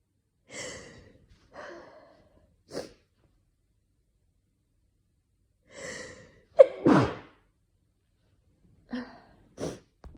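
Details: Winter sneezes from someone with a slight dust allergy, triggered by cold weather or indoor heating; some recorded with an itchy nose and headache, possibly an oncoming cold. Several short, breathy sneezes and snorts in a quiet room, one louder burst midway.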